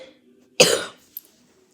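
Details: A single loud, harsh cough from a child with a bad cough whose belly hurts a little with coughing, with a short burst of air and a fading tail.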